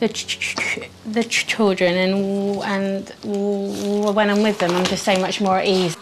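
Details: 25-year-old woman who has stammered since early childhood, speaking; stuttering.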